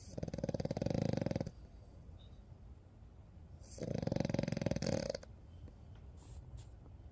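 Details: Two long rattling, buzzing snores separated by a quiet pause from a sleeping French bulldog puppy; ordinary snoring.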